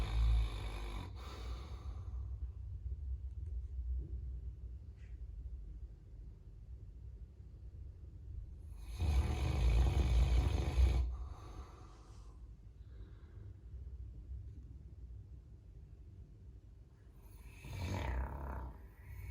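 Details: Caucasian Shepherd dog sleeping in the entryway: deep, low rumbling snores with quiet breathing between them; fairly mild snoring.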